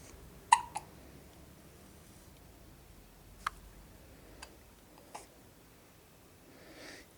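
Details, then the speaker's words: Baby boy with hiccups in the morning, almost 9 o'clock: about five short, sharp hiccups over seven seconds, irregularly spaced, in a quiet room. "mom read that hicups really don't bother them at all"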